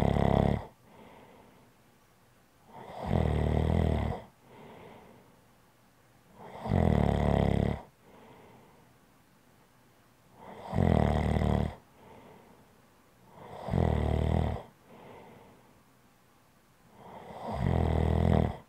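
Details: Heavy adult snoring: loud, rattling in-breath snores with softer out-breaths, about every 3.5 seconds, roughly 16 breaths a minute.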